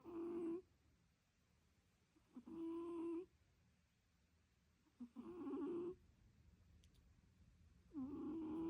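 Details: Cat snoring.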